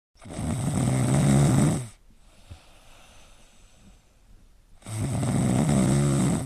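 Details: Soundly sleeping pet (cat or dog) snoring: two long, loud, low rumbling snores on the inhaled breath, separated by a quiet pause.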